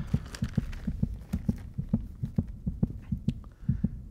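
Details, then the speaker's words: Simulated pulsatile autophony in the right ear from superior semicircular canal dehiscence, after exercise raised the heart rate: fast, loud paired heartbeat thumps, louder than at rest. "first the autophony symptoms get worse you'll hear that my voice and my heartbeat are even louder in my right ear than they were before"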